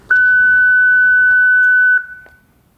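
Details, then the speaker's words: Corpuls1 defibrillator in manual mode, tutorial demonstration: after pressing Charge, the Shock key is held down; sustained high-pitched beep about two seconds then a short click; shock delivery tone. "To provide the energy, we press the softkey [Charge]. To then deliver the shock, we need to hold down the Shock key."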